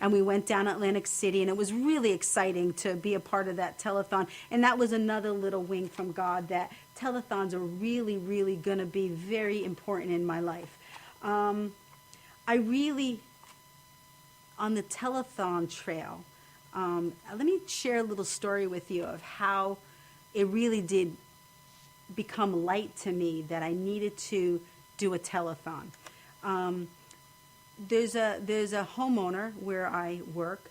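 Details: Woman with aphasia after a stroke at age 26, recorded after a long recovery and still having difficulty speaking to people; aphasia.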